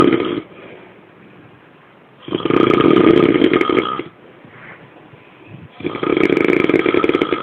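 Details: Two loud, rough, rattling inhaled snores about two seconds long, separated by quiet pauses; heavy snoring during sleep.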